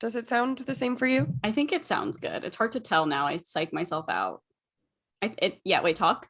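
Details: Adult woman speaking; normal voice.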